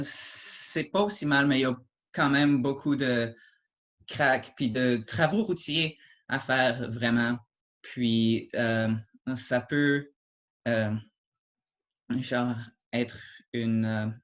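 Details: Adult French-speaking man who stutters, mild to moderate depending on circumstances and the day, with repetitions and blocks; stuttering.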